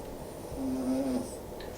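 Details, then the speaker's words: Small Yorkie dog sleeping in a quiet indoor room gives a single brief, soft, slightly whistling snore; ordinary snoring. "Hurricane snoring. If you're wondering what that sound is, Hurricane, are you having a good sleep over there? It's our little Yorkie, so no, it's not me, it's the dog."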